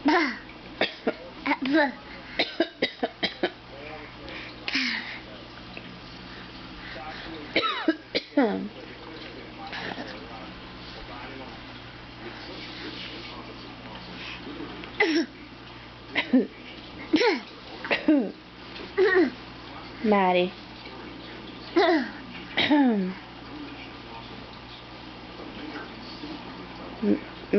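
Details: Young child deliberately faking a cough: short, forced cough bursts and throat clearing between playful voiced sounds, a voluntary fake cough.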